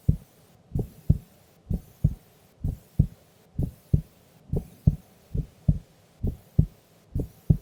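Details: Female asleep during an afternoon nap: steady paired lub-dub heartbeats at about 64 beats a minute with clear first and second sounds; normal resting heart sounds.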